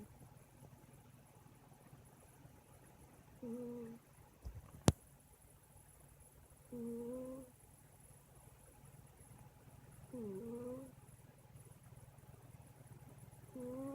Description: My cat Sage snores